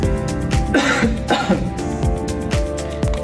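Two short, forced coughs over background music, demonstrating cough etiquette; a plain dry cough.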